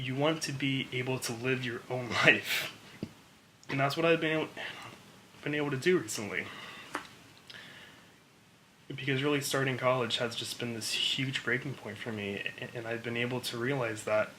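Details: Adult woman who has stuttered her entire life and had weekly speech therapy through elementary, middle and high school, now stuttering openly; stuttering.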